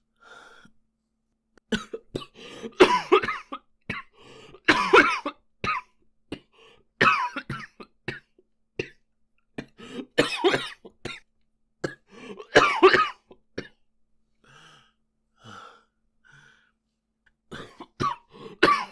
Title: japanese boy coughing 1